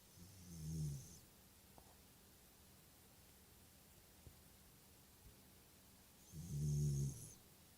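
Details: Five-year-old Shiba Inu sleeping belly-up, giving two soft, low, rumbling snores about six seconds apart with slow sleeping breaths in a quiet room; gentle snoring.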